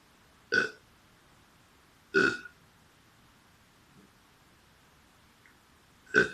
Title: Burping Boy To Back